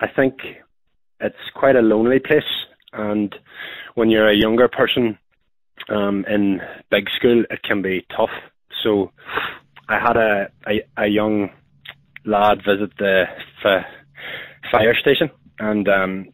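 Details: Adult man with a stammer who uses voluntary stammering, choosing which words to stammer on to control flow; stuttering.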